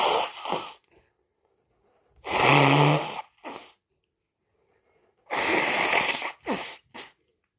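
Two loud explosive sneezes, each preceded by a sharp in-breath and followed by short sniffs or nose-blowing bursts.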